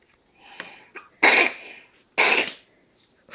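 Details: Toddler sneezing: a soft inward breath and catch, then two sharp, explosive sneezes in quick succession.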